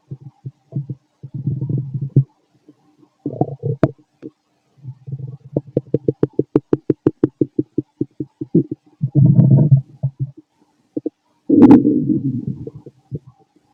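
Loud, low gurgling and rumbling with runs of rapid bubbling pulses; ordinary stomach growling during digestion.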